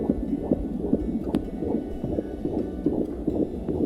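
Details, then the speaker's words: Fetal heartbeat on Doppler at a month-8 (about 32–35 weeks) prenatal visit: fast, steady swishing pulses at about 143 a minute, within the usual fetal range. "And of course, you'll get to hear that steady swishing sound that we all love, the baby's heartbeat."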